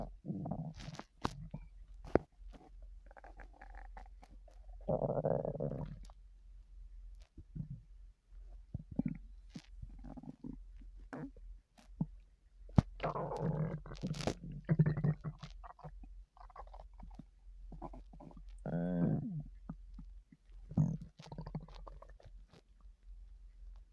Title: loud stomach noises lol